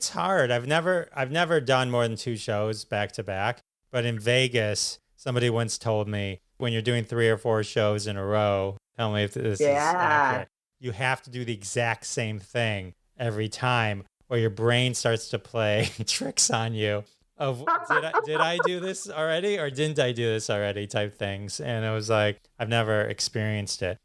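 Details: Adult male speaker; normal speech.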